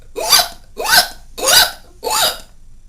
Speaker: the person may also quickly inhale while trying to take a breath through airways narrowed by inflammation which sometimes creates a whipping noise